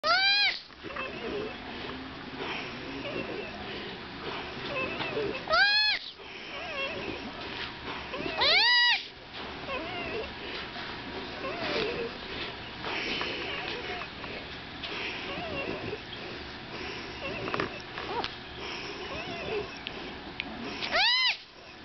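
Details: Baby sloth distress call: four brief, high-pitched squealing cries spaced seconds apart, upset at being woken from a nap to be put with his mother to feed.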